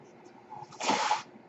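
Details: Noise from the speaker's own mechanical ventilator, heard while he records a spoken podcast.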